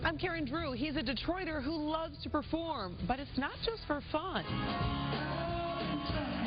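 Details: Adult woman (news reporter); normal speech.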